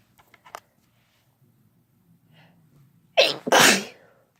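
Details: Sneezing, no talking, from a female and male recording: soft breathy lead-in, then one loud explosive sneeze in a small room.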